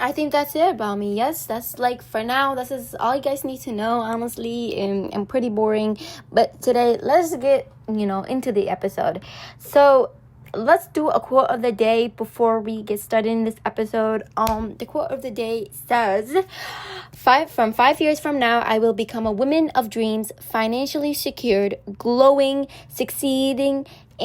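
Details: Female speaker who says she stutters a lot, with social anxiety and nervousness; English is her second language, Arabic her first, and she mentions pronunciation issues; stuttering.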